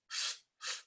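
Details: Vocal imitation of a regurgitant murmur from valvular insufficiency, given in a heart physiology tutorial explaining valve insufficiency and stenosis.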